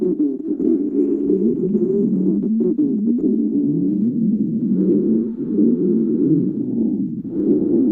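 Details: Stomach growling: continuous low gurgling with wavering, groaning tones; borborygmi.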